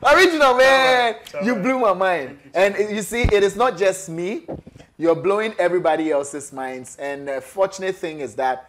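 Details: Adult speaker; ordinary fluent speech.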